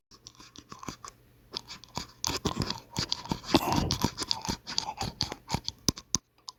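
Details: Teeth grinding (bruxism): irregular gritty scraping and clicking of teeth rubbing together.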